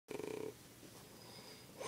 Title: My Dad's Snore Fart.